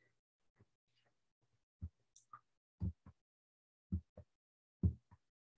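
Rhythmic whooshing Doppler pulses at about 66 a minute, normal uterine artery blood flow in pregnancy.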